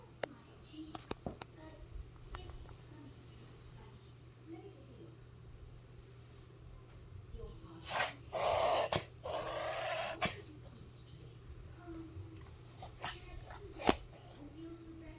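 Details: A dog gives a brief run of loud, harsh snorting inhalations amid quiet room hum: a reverse sneeze.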